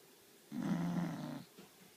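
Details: Snoring: a single low, rumbling snore lasting about a second, followed by a soft quiet breath.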